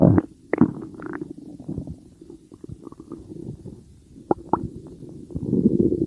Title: stomach growling